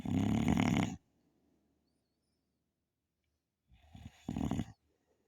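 Two loud, rough, rumbling snores a few seconds apart, with quiet between them. This is snoring.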